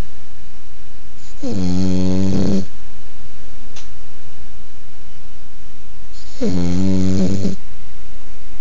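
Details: Snoring: two loud, buzzing, vibrating breaths about five seconds apart, quiet between, snoring on inhalation.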